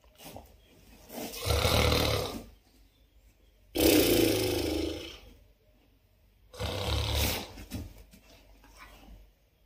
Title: German Shepherd Reacts To My Snoring